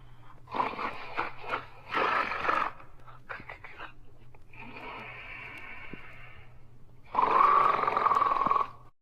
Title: Sleeping & Snoring in 54 seconds